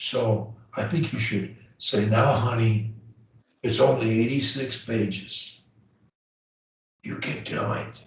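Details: Adult man; Plain speech.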